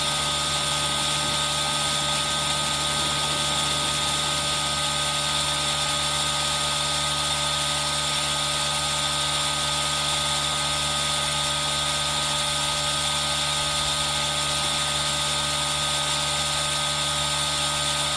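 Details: Continuous steady hissing hum of an aerosol nebulizer running, mixed with rain sound for ASMR, recorded on a Zoom H1n.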